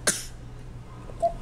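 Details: 11-month-old infant, sick: a single sharp, explosive cough, then near quiet and a brief soft vocal sound; an isolated cough.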